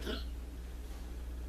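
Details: Overweight 25-pound Chihuahua that lies on its back and coughs all day: a single brief, harsh cough-like burst, followed by a steady low room hum.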